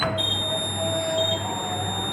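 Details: Steady high electronic whine with a fainter mid-pitched tone: a training defibrillator/pacemaker cardiac simulator charging before a shock.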